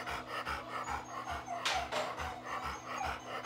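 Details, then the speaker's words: Inspiratory stridor from laryngeal paralysis in an older female Labrador: rapid breathing with harsh, noisy inspiratory sounds. "there's laryngeal paralysis in an older Labrador please talk to your veterinary if you hear this noise in your dog"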